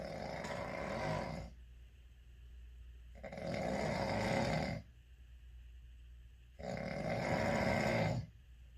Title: Snore challenge?!? Can you out snore him!